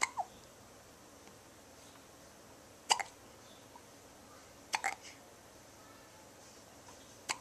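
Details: Hiccups from a two-week-old baby girl: four short, sharp hiccups roughly every two to three seconds in a quiet room.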